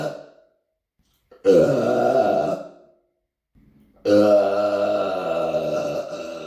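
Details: Burping in an apartment: two long, loud, voiced belches separated by a pause; ordinary burping, recorded on a Samsung Galaxy S9.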